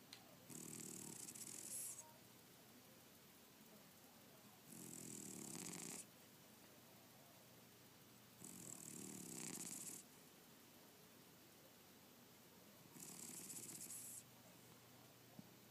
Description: Snoring cat!